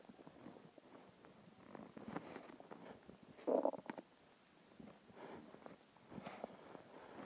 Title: Hungry stomach growls and noises (part 1)